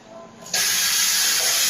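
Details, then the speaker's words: Dental chair suction switched on, with its strength adjustable by a control: a steady loud hiss starts abruptly and continues, the rushing-air sound of suction running. "ito po yung control niya gusto niyong hinaan pwede lakasan."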